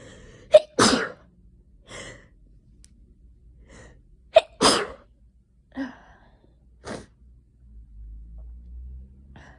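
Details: Adult with an itchy nose, sneezing out of nowhere, possibly from tree-pollen hay fever or an oncoming cold: two forceful sneezes, each after a sharp in-breath, then smaller sniffs and breaths in a quiet room; sneezing fit.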